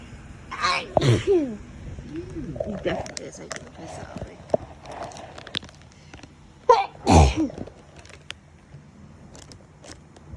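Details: Two loud, explosive sneezes several seconds apart during an autumn allergy sneezing fit, with faint voice and room sounds between; repeated allergic sneezing.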